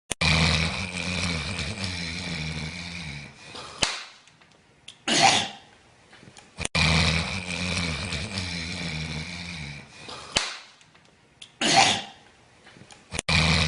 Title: I hate it when people snore so loud Vine